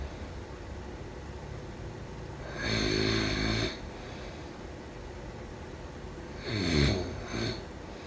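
Harsh, rattling inbreaths about four seconds apart, with a short snort at the end, over quiet room noise: snoring during sleep.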